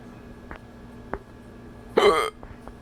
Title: How my friends gave me hiccups